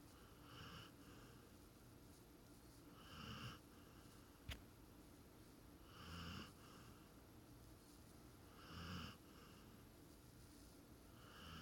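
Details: Sleeping female cat: soft, faint snoring at about 22 breaths a minute with steady room hum behind; snoring.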